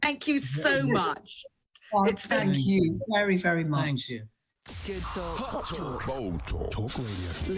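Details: Adult male actor left with severe aphasia after a stroke, called one of the most severe cases by his speech therapist; he cannot speak and communicates mainly by gesture; aphasia.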